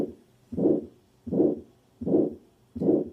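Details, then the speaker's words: Aortic stenosis murmur: a harsh, diamond-shaped (crescendo-decrescendo) systolic murmur after each heart sound at about 80 beats a minute, harsher in pitch than the blowing murmur of mitral regurgitation. "you hear the pitch the pitch is harsh if in uh mitral regurgitation the pitch is not so harsh the pitch is more blowing but in aortic stenosis yes it is more harsh"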